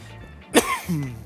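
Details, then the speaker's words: Single short, sharp cough from an adult over quiet background music during a live stream; cough. "Excuse me. I did not mean to cough in everyone's ear like that. I need some some water here."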